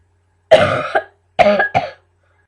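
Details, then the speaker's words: An adult with a really bad chesty cough, not helped by Benylin, coughs on purpose: three harsh, wet-sounding bursts, a productive chesty cough. "Oh, yeah. anything to stop a cough like this cuz benoline is not working for me."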